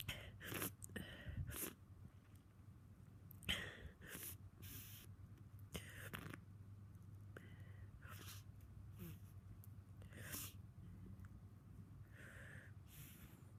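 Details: Congested person, snotty and sneezing all day after waking: repeated short, muffled nasal sneezes and nose blowing over a low hum of room noise.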